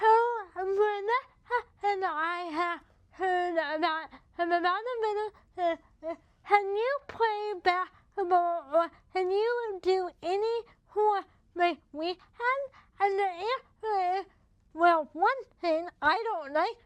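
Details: Speech of a woman with cerebral palsy affecting her mouth muscles, making talking effortful. Finding: dysarthria due to cerebral palsy.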